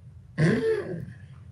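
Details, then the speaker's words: Adult imitating stridor, a harsh, rough, throaty noise of air forced through a narrowed upper airway at the larynx; in viral croup in children aged 3 months to 3 years, it is the stage beyond the barking cough. "כאשר היצירות גוברת, אני פוגש בעצם את הרעש הזה, שהוא נקרא סטרידור, מה שניסיתי להדגים, שהוא שלב אחד יותר מהשיעול הנבחני."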